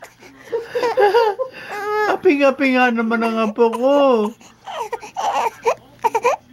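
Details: Infant fussing into a sad pouty face after passing gas, crying with a dirty diaper: fussy, wailing cry rising and falling in pitch, then broken whimpers; ordinary infant crying.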